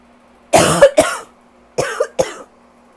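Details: Self-described rough allergy cough, coughing all day with a very tight chest: four rough, harsh coughs in two pairs, each a sharp burst with a brief rattly tail.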